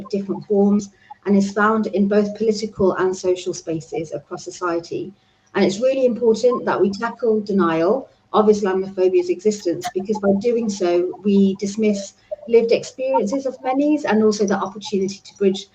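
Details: Adult female speaker; Normal speech.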